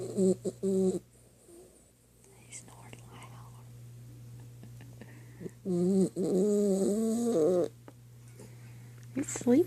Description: Weiner dog snoring Christmas morning after opening his gifts.